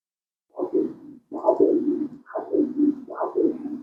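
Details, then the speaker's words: Pre-surgical Doppler ultrasound mapping of the upper limb for a hemodialysis arteriovenous fistula. The radial artery is insonated at a 60° angle. Rhythmic whooshing pulses about 70 a minute; normal arterial flow, peak systolic velocity 62 cm/s. "bien interesa que esté bien paralelo muy bien y así podemos la velocidad picos histórica que aquí la tenemos que son pues 62 cm por segundo"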